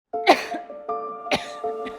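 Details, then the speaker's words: Adult patient with chronic, non-contagious cough of unknown cause: two short, dry cough bursts and a faint third over steady background music. "My doctors don't know what's going on. I just can't stop coughing."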